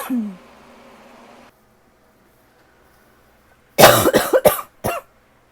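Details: Tickly cough that seems to be starting to get a little better: a short burst of three dry coughs, then one more after a brief quiet spell.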